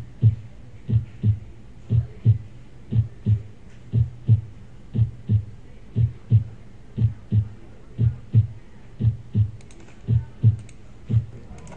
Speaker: Okay. Here is a normal heartbeat.